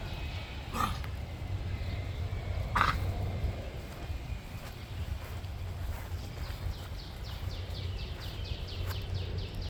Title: Dog Cough